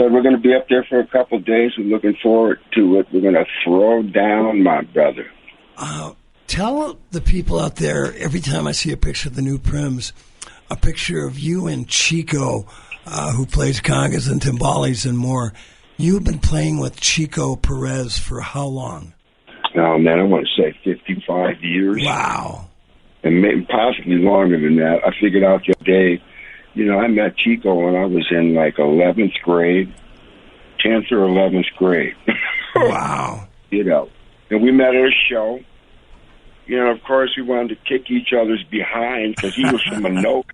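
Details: Dysphonia in a man who recently lost a vocal cord, a former singer; he states the loss was not caused by the polio he had in 1948.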